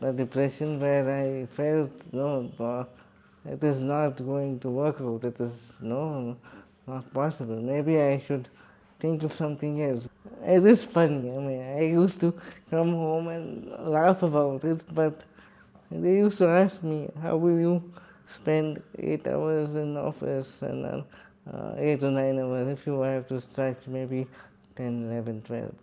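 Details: Adult man with cerebral palsy speaking in his own voice; dysarthria (cerebral palsy).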